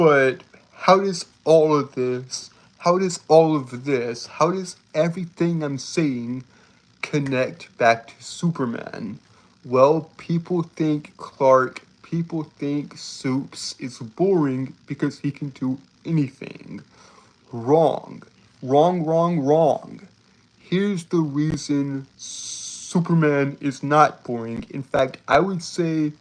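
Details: Male streamer who reports a speech impediment that makes him stutter and trip over his words; repeated phrases are audible; stuttering.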